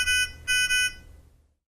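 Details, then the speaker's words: High-pitched electronic alarm tones in short bursts that fade out, the audible out-of-range alarm of a Nonin PalmSAT 2500 or 2500A pulse oximeter for oxygen saturation or pulse rate; it stops when values return to range. "When oxygen level or pulse rate return to the preset range, the alarm will stop and return to normal monitoring function."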